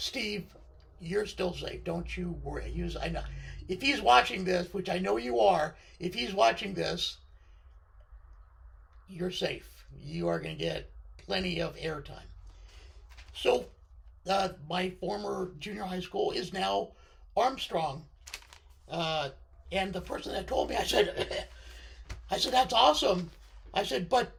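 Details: Adult man with left-sided unilateral vocal cord paralysis following surgery, which limits his voice control.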